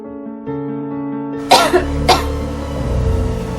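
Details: Over steady background music, an adult gives about three short, harsh coughs in quick succession; an acted cough in a student short film for a TB Day awareness contest.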